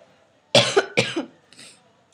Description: I think it went rather well besides my coughing fits and bad translations...